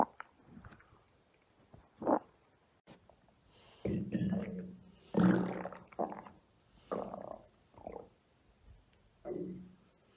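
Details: Adult belly recorded for ASMR: deep, irregular gurgling rumbles and squeaky bubbling bursts come and go over a quiet room, typical abdominal bowel sounds (borborygmi).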